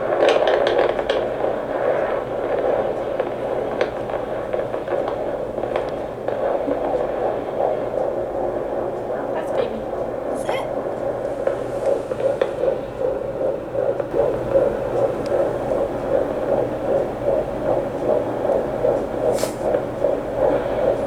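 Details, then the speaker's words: Fetal heartbeat on Doppler at a midwife appointment at 13.5 weeks of pregnancy: rapid, regular whooshing at about 155 beats a minute, normal for this stage. "it's perfect it's about 155 I've heard there's like a a theory if it's faster or slower it's a boy or a girl"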